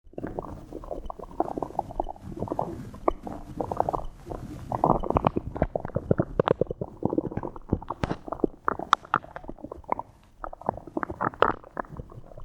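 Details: 23-year-old female after drinking water and swallowing air: loud gurgling, bubbling abdominal rumbles with quick popping clicks, typical bowel sounds (borborygmi).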